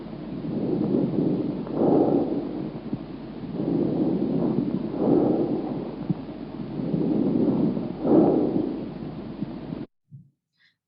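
Steady rushing breath sounds with inspiration and expiration about equal in length: normal bronchovesicular breathing.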